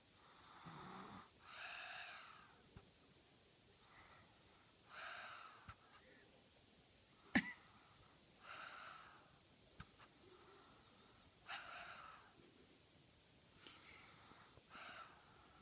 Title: snoring